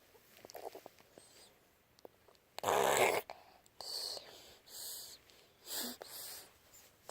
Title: snore loud :)